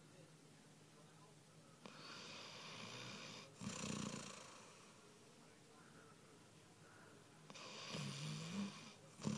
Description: My dog snoring, I miss him